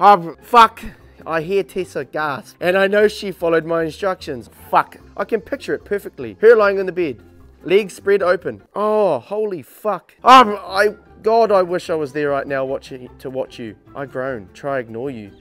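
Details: Vocal tics from Tourette syndrome while reading a book aloud, with the reading interrupted by exclamations and swearing.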